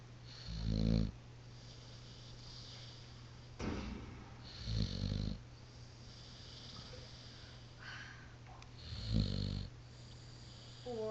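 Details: Deep, rattling snores on each breath, about 14 a minute, from Diesel, a dog asleep on a couch; snoring.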